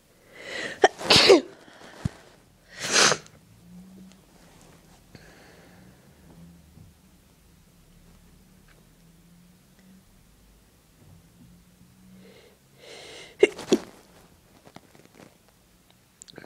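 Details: Two strong, wet sneezes close together, induced with a clothes tag tickling the nose, a quiet pause with faint voice, then a third forceful sneeze.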